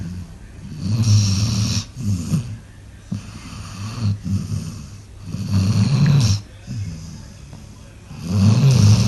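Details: Sleeping dog snoring unusually loudly, like a human, more than the owner has heard before: deep, regular snoring, about five breaths, each a low rattling rumble on the in-breath.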